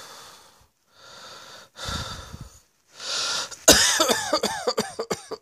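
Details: Several long, noisy breaths, then a rapid run of about ten harsh coughs with squeaky, wheezy edges; a coughing fit.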